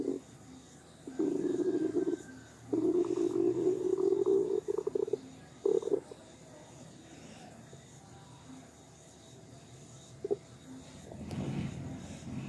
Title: IF opheebop listened to empty stomach noises